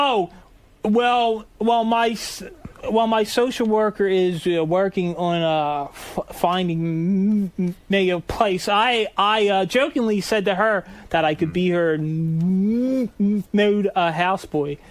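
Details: Adult man who stutters, saying his stuttering comes and goes; stuttering.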